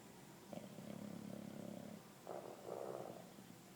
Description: My 2 year old English bulldog snoring like a grown man on the couch